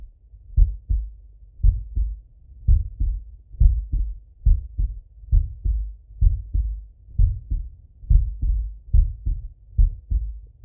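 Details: Male lying on left side, stethoscope heart auscultation: steady two-part lub-dub heartbeat, about 66 beats a minute, regular rhythm; heart sounds.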